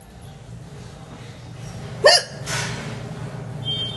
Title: natural hichki hiccups (1)